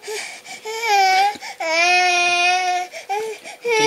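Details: Loud, sustained wailing cries with short breaks for breath from a 2-year-4-month-old girl on a day of frequent crying after waking early; cause unknown, parents guess teething, a nightmare or cold.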